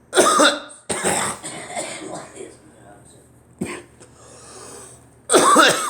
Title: Me coughing